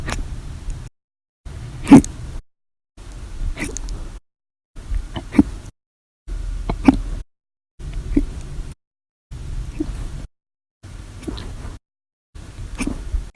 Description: The Violent, Loud, Silent, Minute Hiccups lasted 13 Hours and 14 Minutes for after eating Breakfast, Lunch, and drinking 1 cup of soda after Dinner on 7/26/19.